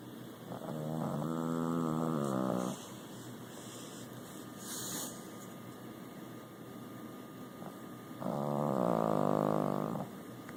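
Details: Snoring from a Boston Terrier: two long, rough, buzzing breaths with a quiet pause between them.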